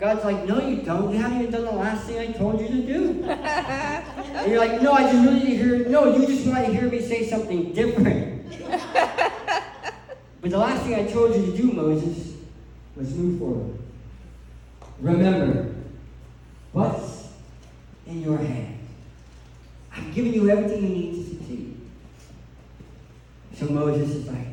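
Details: Adult man who lost 80% of his tongue to cancer, with a permanent articulation impairment after partial glossectomy.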